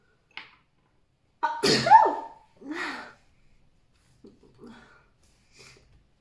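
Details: Woman in a dusty office, allergic to dust: a quick inward breath, then one forceful sneeze, followed by soft breathing sounds.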